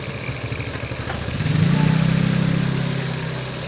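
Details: Steady buzzing motor hum that rises and settles into a rapid droning pulse: a nebulizer compressor running during steam inhalation treatment for a baby with cough and cold.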